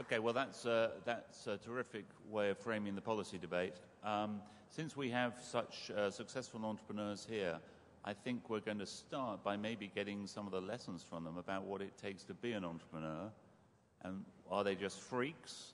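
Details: Adult male speaker; Normal voice.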